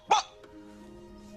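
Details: Acted vocal tic of a man with Tourette syndrome in a dramatized film scene during a job interview; vocal tic.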